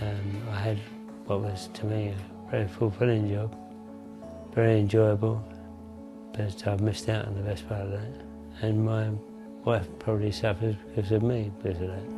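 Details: Adult man with Parkinson's disease for over 20 years, onset mid-1980s with left-hand tremor, on medication; he reports a weak voice and unclear articulation; hypokinetic dysarthria.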